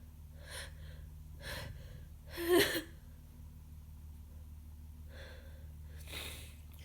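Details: Sneezing during a bad cold with worsening congestion and heavy mucus: several breathy build-up gasps lead to one loud sneeze, then more gasping breaths.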